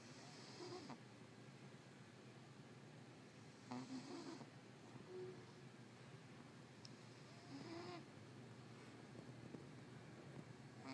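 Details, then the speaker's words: Soft rhythmic snoring from a sleeping cat, with a rattly breath about every three to four seconds over quiet room noise; snoring. "Hey! You're snoring."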